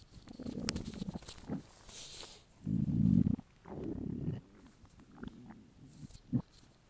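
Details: Male's hungry stomach: low gurgling rumbles rising and fading in irregular bursts; borborygmi, normal hunger bowel sounds.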